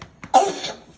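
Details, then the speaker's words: A young child being comforted by a parent during a coughing episode gives two softer breathy sounds, then one strong cough burst. "Okay, I know. It's okay. Keep coughing."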